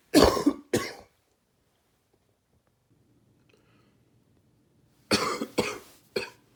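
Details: Two loose, rattly coughs, a pause, then three more in a quick run, five in all, from someone with a cold; wet, productive-sounding, gaggy cough.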